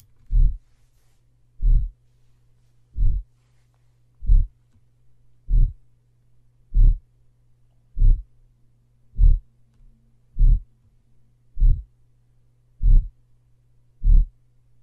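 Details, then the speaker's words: Slowed-down heart recording played for teaching, with regular, drawn-out loud low whooshing systolic murmur beginning at S1, from aortic stenosis; aortic stenosis murmur. "when's the aortic valve open its open during systole therefore they will have a systolic murmur that I will also hear on s1 so I have a listen so you'll hear that these murmurs are usually pretty loud"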